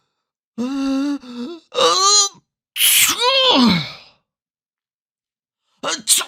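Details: Voiced rising 'ah-ah' build-up, loud explosive 'choo', then a brief second sneeze after a pause, from a sneeze sound collection of different people and styles; sneeze.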